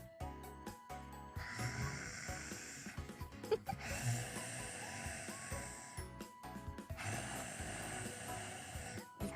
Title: cute Snoring